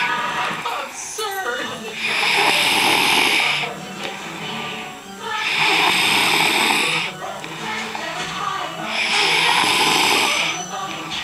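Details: Three regular raspy, hissing snores, about 17 a minute, with faint room noise; ordinary snoring.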